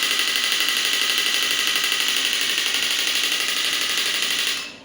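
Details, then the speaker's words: Biotronix electromagnetic shockwave therapy device (horizontal clinical model) demonstrated on the operator's hand at 60 Hz with a 5 mm head: a rapid, continuous high-pitched buzzing rattle of fast pulses that stops abruptly. "I'm getting quite great impact on my hand."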